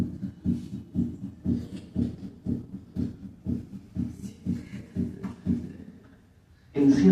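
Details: Heart sounds at 120 beats per minute with physiological splitting of the second heart sound: a single S2 on expiration, split on inspiration; played as a teaching example.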